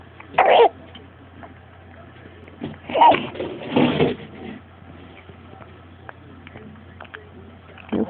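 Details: A cough.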